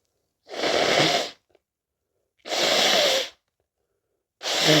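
Loud, breathy bursts of air at about two-second intervals, sounding like repeated forceful sneezes or hard exhalations.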